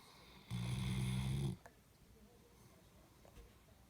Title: Snoring doggo